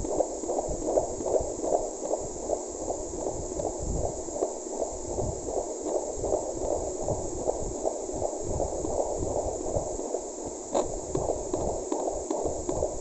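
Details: Fetal heartbeat at 6 months of pregnancy in a mother with PCOS, now strong where earlier it was faint: rapid, regular whooshing pulses about 158 a minute over steady hiss.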